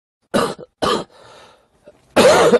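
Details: Three short, harsh coughs with a brief pause before the third, from an adult livestreamer with a cold, headache, low-grade fever of 37.2 °C, and suspected pneumonia or asthma (not influenza).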